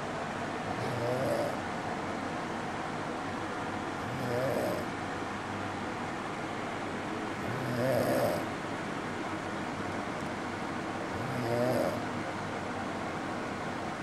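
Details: Man recorded asleep at home, who denies snoring: soft, low rumbling snores about 17 a minute over a steady background hum; ordinary snoring.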